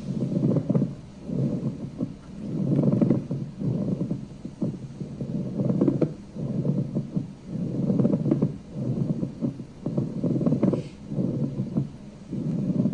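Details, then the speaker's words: Demonstration for nurses of a pleural friction rub from inflamed pleura: rhythmic, symmetrical dry grating creaks with each breath in and out, like bending old leather, drier than rhonchi. "it's drier okay so it's going to sound like Rony but it sounds like a drier sound and in fact some people talk about it in terms of like crackling old leather"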